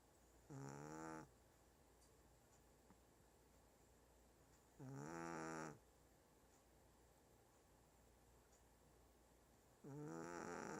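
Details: 1-year-old Shih Tzu snoring loudly: three drawn-out, buzzing snores about every five seconds, roughly 12 per minute, over steady room hum.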